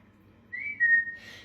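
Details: A brief, sudden whistle over quiet room noise from a self-described chronic whistler with Tourette syndrome: whistling vocal tic.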